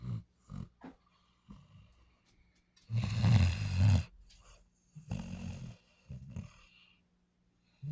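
Deep rumbling, snorting breaths from a sleeping dog, two long loud ones among shorter softer ones; snoring.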